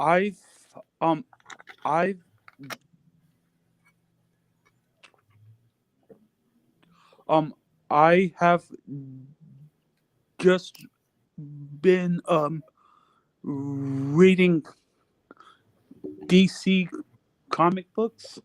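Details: Adult male podcast guest practicing reading aloud to improve his stuttering and speech; stuttering.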